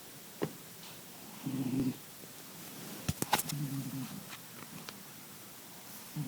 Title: My cat snoring.